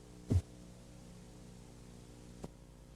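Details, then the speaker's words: Korotkoff phase 5 during blood pressure measurement: disappearance of all sounds, the accepted diastolic measurement. "no se debe registrar la fase 4 sin la fase korotkov 5 que es la desaparición de todo sonido Esta es la medición diastólica aceptada en"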